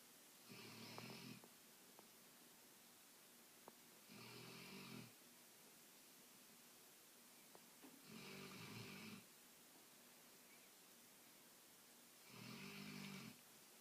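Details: Sleeping female dog that snores loudly and wakes herself up: four loud, rough snores at regular intervals, about 17 breaths a minute, over steady room hiss; snoring.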